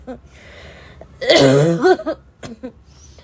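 A harsh, voiced, honking cough burst followed by short throat sounds; a barking cough.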